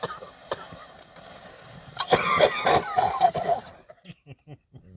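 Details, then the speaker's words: Person coughing after inhaling smoke from a cannabis dab hit, coughing every time after hitting it. "you're gonna hear me hit a dab which you're gonna hear that I coughed every single time after I hit my dad"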